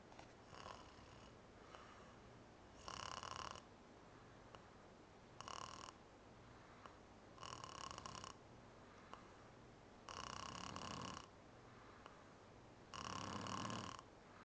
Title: haha snoring